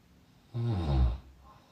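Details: A single deep, low, rumbling snore lasting about half a second against quiet room noise: snoring.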